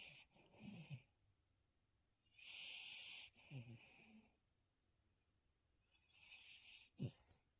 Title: I like to snore real loud and keep everyone awake. #dog #shorts